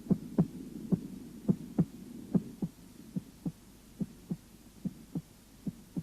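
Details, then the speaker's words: Normal heart sounds at the tricuspid area: regular paired lub-dub beats at about 72 a minute over a low hum, with no extra sounds; the first sound marks the start of ventricular systole, and the second is normally louder at the base. "в начале систолы желудочков первый тон 2 1 тон 2 в норме у основания сердца второй тон громче"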